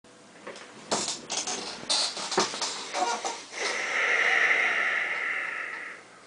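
A few short rough breath noises, then one long high whistling breath. Snoring with a whistling tone.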